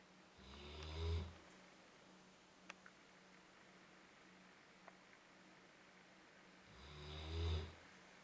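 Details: Weimaraner dog: two deep, rumbling snores about six seconds apart with quiet breathing between, in a still room; snoring.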